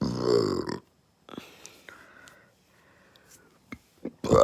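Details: Two loud, drawn-out belches separated by small throat clicks and breathing, described as violent burps caused by fast food; belching.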